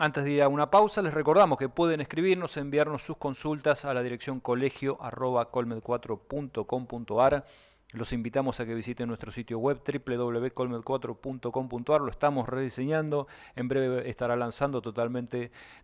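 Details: Adult male host; normal speech.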